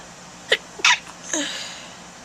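Two quick sneeze bursts, then a drawn-out intake with a weak, aborted third sneeze; ordinary sneezing with a false start.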